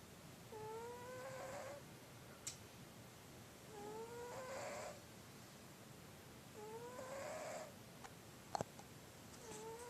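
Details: Whistling, rising snore repeating about every three seconds with quiet between, roughly 20 breaths a minute, in a quiet room with occasional small clicks; snoring.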